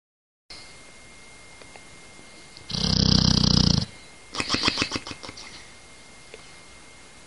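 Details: Bulldog snoring loudly in sleep, one rough snore then a stuttering run of snorts, repeatedly disturbed by owner; snoring.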